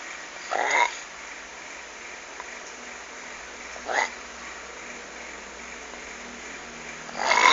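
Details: Funny snoring that sounds like a frog: short, harsh, croaking snores recurring every few seconds against steady background noise.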